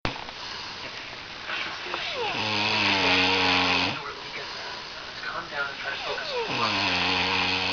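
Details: Loud, droning, rough vibrating snores rising in pitch, about 16 a minute, from a sleeping person who keeps the recorder awake again; heavy snoring.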